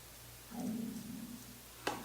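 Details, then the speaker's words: A man's stomach growl: a low, drawn-out gurgling rumble of about a second with a steady hum behind it, from hunger after eating only small amounts lately. "did y'all hear that on camera? My stomach just growled like a mug."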